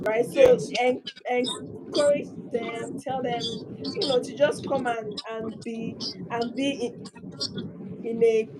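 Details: Stuttering in a speaker who accepts and lives with the stammer rather than using avoidance strategies.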